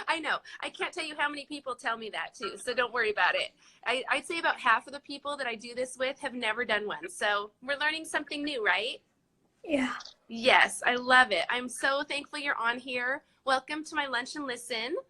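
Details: Adult woman speaking, with a brief reply from a second voice; ordinary speech.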